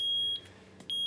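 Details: EMV+ Zoll ventilator on a test lung squeezed to make it cough: repeating high, steady electronic beeps with short gaps, a patient disconnect alarm.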